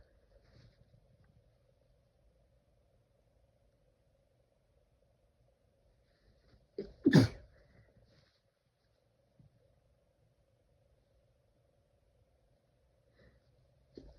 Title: Sneezing into a tissue